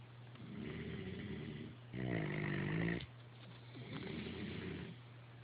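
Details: Snoring.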